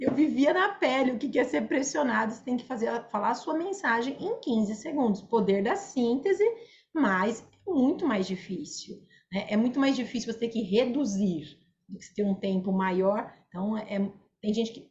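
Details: Adult woman speaking Portuguese; typical speech.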